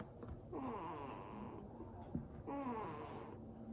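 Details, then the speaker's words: A sleeping infant gives two drawn-out, low, moaning grunts in a quiet room, growing louder, which the caregiver considers a snore; infant grunting during sleep. "I feel like he's getting louder with his grunting as I"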